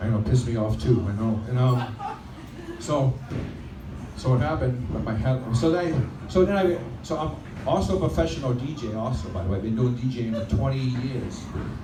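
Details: Adult male stand-up comedian who stutters, performing live on a microphone; he says his stuttering is sometimes reduced on a microphone; stuttering.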